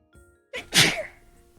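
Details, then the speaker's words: Single sharp adult sneeze, brief inhale then loud burst, from a sneezer who mentions having chronic allergies. "ah sorry Third sneeze. I muted that time though. Boy, I love having chronic allergies."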